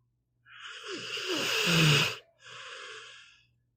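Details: Pit bull dog sleeping and snoring: a rough, rattling inhaled snore with a snorting end, then a softer exhalation.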